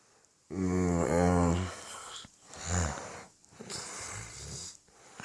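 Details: Very drunk adult man asleep while others try to rouse him: a loud, low, rattling snore followed by quieter, rougher breathing in a small room; snoring.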